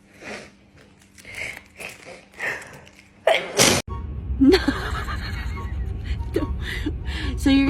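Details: A sharp reflex sneeze during a COVID-19/flu nasal swab test. It interrupts breathy sounds and is followed by talking and background noise and music.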